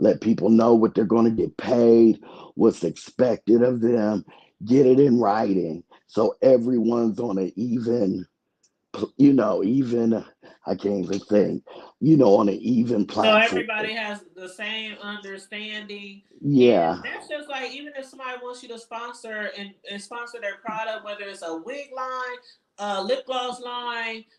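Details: Dysphonia in an adult woman after thyroid removal, in which her vocal cord was accidentally touched; hoarse, altered voice; she expects recovery in a couple of months.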